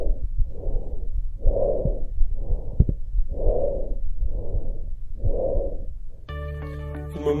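Loud, harsh, hollow breath sounds over the trachea, with inspiration and expiration both clearly heard; normal tracheal breathing.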